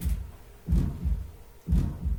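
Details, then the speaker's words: Harsh systolic murmur of aortic stenosis, shown with a valve that does not open all the way. "hear that harshness it's not left oh it's even showing you picture of cool see how that valve right there is not Clos is not opening all the way"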